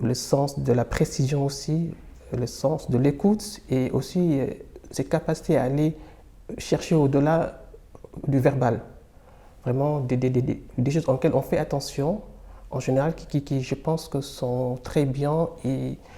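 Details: Stuttering in a French-speaking person who stutters.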